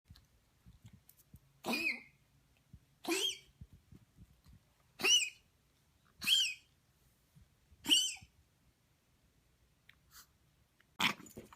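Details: Pet recorded to show the vet, coughing and snorting: five short, sharp, high-pitched coughing or snorting bursts about a second apart, in a quiet room.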